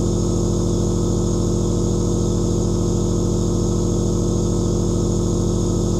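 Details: Aerosol nebulizer running continuously: a loud, steady buzzing compressor drone with a fast even pulse of about 160 a minute, recorded as white noise.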